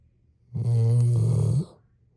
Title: snore snores